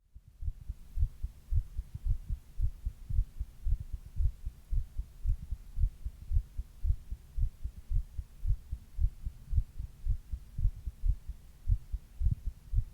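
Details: Steady, low thumping heartbeat at about 110 beats a minute with no other noise, the recorder's own heart recorded while reading a book; normal heart sounds.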